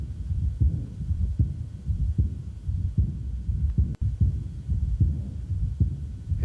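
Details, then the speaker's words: Aortic regurgitation in a man: soft diastolic decrescendo murmur loudest at the lower sternal border, a mid-systolic flow murmur, and a prominent aortic second sound; regular heartbeat about 75 a minute. "it's very frequent with chronic severe aortic valve insufficiency you'll you mate your ear may pick up on the systolic murmur first"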